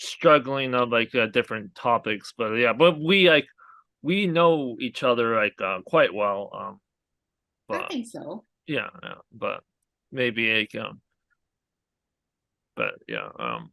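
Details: Aphasia in a male stroke survivor who had a hemorrhagic stroke from an arteriovenous malformation at age 20.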